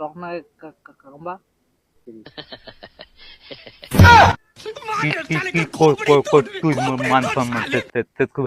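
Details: Adult speaker, acted comedy; stuttering (acted).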